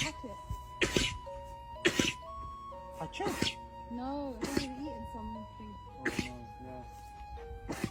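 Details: Compilation of several animals making short, sharp sneeze bursts over background music; sneezing.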